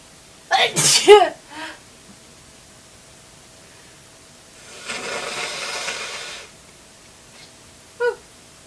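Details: A forceful, explosive spray sneeze with a sharp burst of air, followed by a quieter spray-like hiss; a normal sneeze.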